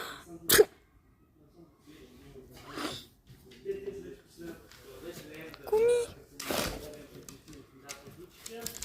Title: seeing Maxi's reaction to my fake sneezing #shorts